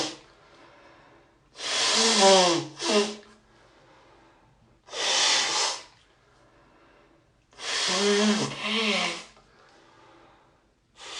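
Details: Sneeze and first nose blow of the day: three loud breathy bursts with short voiced tails, a sneeze then forceful honking nose blowing and snorting, little mucus; sneezing and nose blowing.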